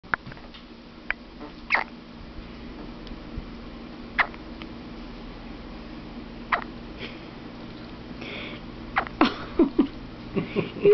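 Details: Brief sharp hiccup sounds about every two to three seconds in a quiet room, with a few quicker ones near the end: hiccups.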